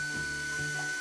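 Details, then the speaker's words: Steady mechanical whir with faint high tone: a surgical skull drill during awake brain surgery under local anesthetic for essential tremor; the patient can hear the drill, usually felt as pressure. "we know that it's not easy to go through something like this they can hear the sound of the drill so we go to great lengths to try to make it a comfortable experience for them"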